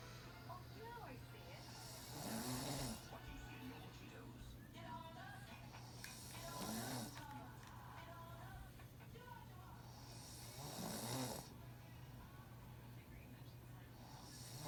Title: My son snoring